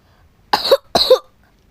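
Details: Two quick, dry coughs in a row, a short coughing bout from someone coughing repeatedly while playing Roblox.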